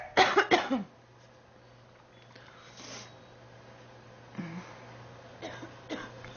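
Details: Girl who says she is sick, feels hot and mentions 3 weeks: a run of about three harsh coughs, then quiet breathing and a few softer coughs, repeated coughing.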